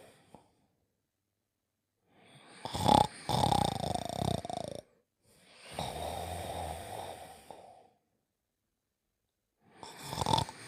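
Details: Cartoon character sleeping, from an animated-series soundtrack: loud, rasping snores on the in-breath and a softer whistling out-breath in slow cycles; staged snoring.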